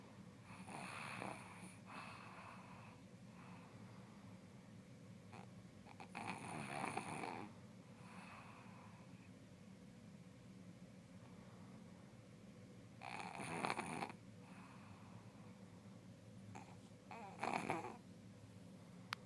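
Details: Snoring recorded for a doctor: irregular noisy breathing with a few louder rattling snores over steady room noise.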